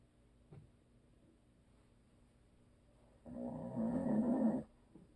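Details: Loud, rattling, low-pitched snore lasting over a second in a quiet room, from a sleeping adult man (husband).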